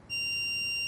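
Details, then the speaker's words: Steady, loud, high-pitched electronic tone from an iPAD SP1 AED in adult mode during a real-time CPR and AED demonstration, after rhythm analysis with the prompts "do not touch the patient" and "clear, shock advised"; shock-advised warning tone. "do not touch the patient analyzing heart rhythm and clear shock advised"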